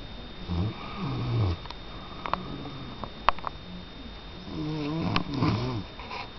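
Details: Soft, low, rattling snores with brief squeaky breath noises over steady room hum; light snoring from a sleeping pet.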